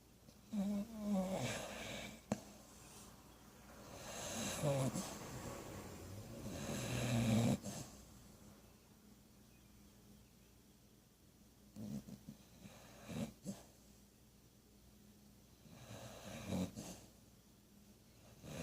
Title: Rocky snoring